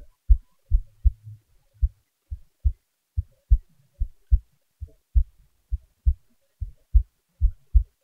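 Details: Own heartbeat recorded with the sound turned up for better audibility (faster-rate recordings planned separately): normal heart sounds.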